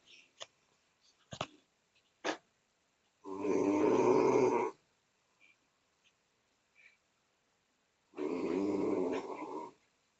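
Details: Person asleep, possibly in a chair, who claims not to snore: two long, loud, rattling snores separated by quiet breathing and small sounds; snoring.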